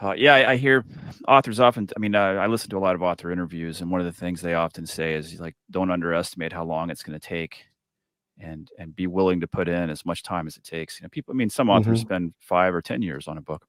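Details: Adult man speaking; normal adult speech.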